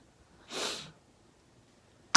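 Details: Ex-Sistar singer during a live stream: a single brief sniff, air drawn sharply in through the nose in a quiet room; an ordinary sniffle.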